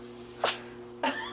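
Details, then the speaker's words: Two quick, small sneezes in about a second from a 3-day-old baby girl who also has hiccups and sneezed a lot in hospital, described as normal for babies; newborn sneeze. "goodness bless you she's been sneezing she sneezed a lot in the hospital that's a normal baby thing too"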